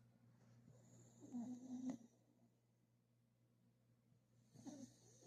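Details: Soft snoring from a sleeping pet, short snuffling breaths against a quiet room hum; a normal sleeping sound.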